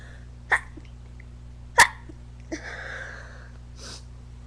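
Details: Girl's sneezing attack: two sharp explosive sneezes in quick succession, then a breathy exhale, over a steady background hum; a run of sneezes.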